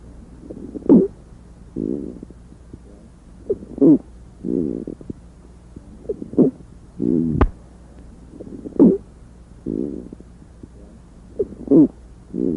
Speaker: Many squawks are inspiratory, but this squawk is both inspiratory and expiratory, louder on inspiration and softer on expiration.